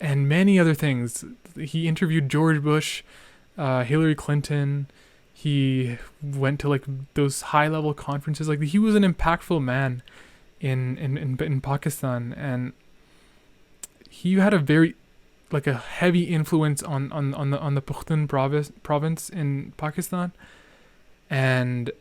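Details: Male podcast host who stutters and remarks he is stuttering a lot, with part-word and whole-word repetitions: stuttering.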